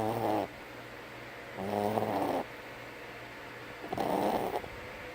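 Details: Three buzzing, purr-like snoring breaths at a slow regular pace, about 30 a minute, with quiet room noise between; snoring in a sleeping animal.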